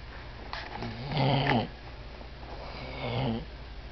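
Two rough, rattling breaths while asleep, each with a low buzzing vibration: snoring from the throat and nose during sleep.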